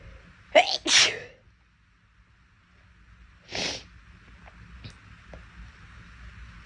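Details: Girl sneezing: a quick double sneeze followed by a single sneeze, then quiet breathing.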